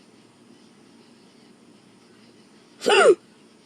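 A single sharp, abrupt voiced catch against faint room noise, consistent with a hiccup.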